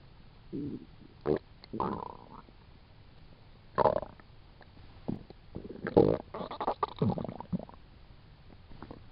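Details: Irregular gurgling and rumbling bursts from the belly between quiet gaps; ordinary stomach growling (borborygmi).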